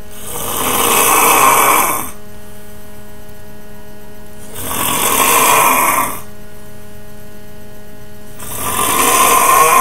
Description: My roommate snoring. Why yes, it is very hard to go to sleep, thank you for asking.